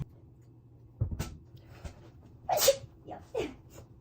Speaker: I have a sneeze bless you excuse me